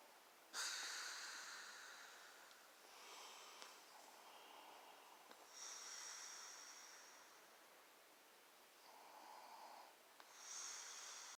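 Quiet, hissing nasal snorts and breathy snores, about 12 a minute, uneven in timing; sleep snoring.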